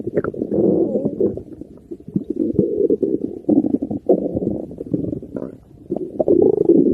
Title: stomach growling 💕